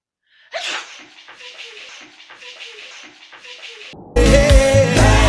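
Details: Acted sneezing in a comic skit about types of sneezers: a sharp sneeze burst, then a run of repeated breathy puffs, followed by loud music.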